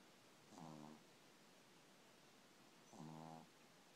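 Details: Two buzzing, fluttering snores about two and a half seconds apart against quiet room noise; snoring.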